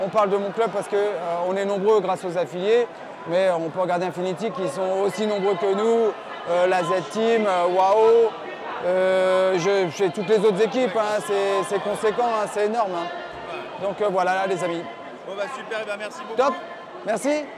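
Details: Adult man speaking; normal voice.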